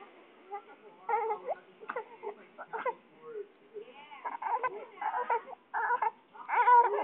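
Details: Fussy, whimpering infant cry in short bursts building to louder wails; baby feeling hot and fussy, wanting a bath: ordinary infant crying.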